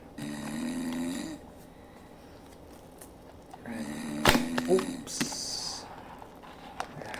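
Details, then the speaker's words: Recorded rattling snores played back in a room while testing ear muffs against snoring noise, with rustling and handling between snores; snoring. "I'm going to try this right now so I'm going to play the snoring again"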